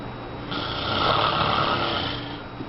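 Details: Sleeping father snoring while baby can't sleep: a single loud, rasping inhaled snore rising and fading over about two seconds.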